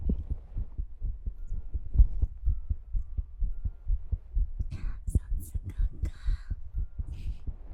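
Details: Soft, low, regular heartbeat-like thumps at about 60 beats a minute, with faint mouth clicks, tongue clicking and whispery noise over them; an ASMR heartbeat sound.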